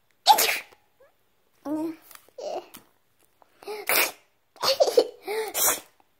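Several small, sharp sneezes from a baby, interspersed with soft vocal sounds.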